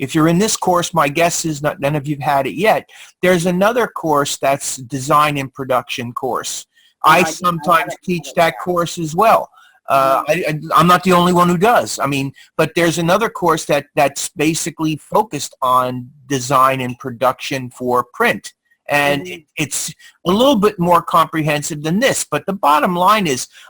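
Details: Adult man speaking; Normal adult speech.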